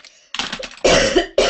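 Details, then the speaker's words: Adult woman getting over a cold, voice still affected: two or three harsh, loose coughs. "are you sick? Yes. I'm getting over a cold, so I'm not like feeling that bad really, but my voice is just lagging behind."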